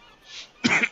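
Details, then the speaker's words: A person streaming a game gives a faint intake of breath and then one short, sharp, harsh cough. "alright, and I start coughing. Work that one out."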